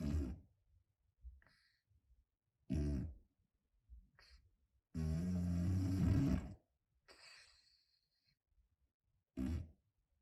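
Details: Male cat with a bad nose snoring loudly, rough low snorts with each breath, about four in ten seconds, with quiet pauses and noisy nasal breathing: snoring.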